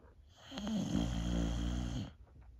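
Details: Old female Boxer dog, feeling a little down, snoring while asleep: a single long, low, rattling snore with quiet breathing before and after.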